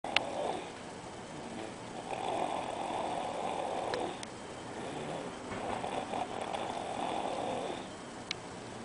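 Two long, hoarse, buzzing breaths a few seconds apart, with a faint clicking sound in the room; soft snoring.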